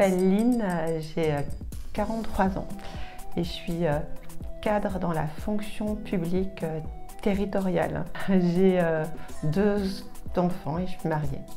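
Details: 43-year-old woman who has stuttered since onset between ages 2 and 3. Finding: stuttering.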